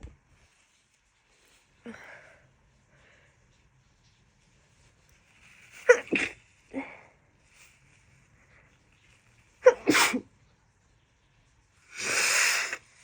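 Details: Female with the worst summer cold of her life, too exhausted to talk: several sharp, wet sneezes in close succession, then a long noisy nose blow; sneezing typical of a heavy head cold.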